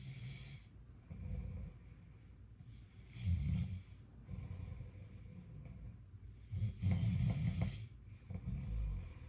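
Soft, low rumbling snores with each breath, about six in nine seconds, steady rhythm; quiet snoring.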